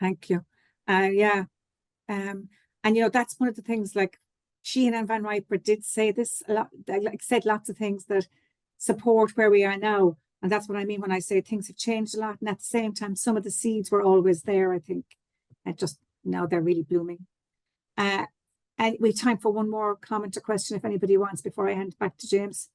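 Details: Adult woman speaking; ordinary fluent speech.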